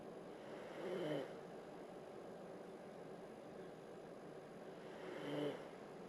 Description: snoring, a whole lot louder than what the camera picked up tho.